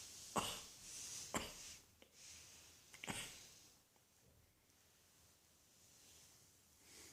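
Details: Three sharp, breathy cough bursts separated by pauses in a quiet small room, followed by faint breathing.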